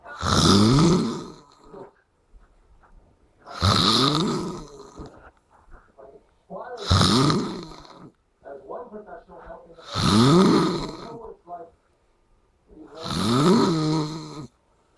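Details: Person snoring after a night out: loud, rough snores on each breath in, five in 15 seconds, about 18 breaths a minute, with quiet breathing out between; snoring.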